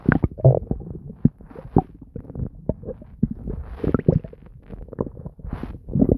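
Continuous low gurgling and bubbling from the abdomen, ordinary active bowel sounds.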